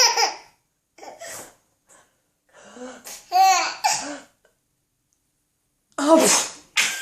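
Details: An adult's sharp, explosive sneeze bursts, answered by an infant's bright, bubbly laughter at the sneezing.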